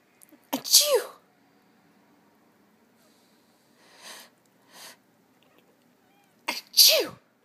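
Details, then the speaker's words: A person sneezes, real or fake, near a pet cat that gets annoyed by any sneezing: two loud, sharp sneezes several seconds apart, each a quick intake then an explosive burst, with quiet between; sneezing. "chew a a what's wrong Rory you don't like the sneezing Rory okay I'm all done no more sneezing"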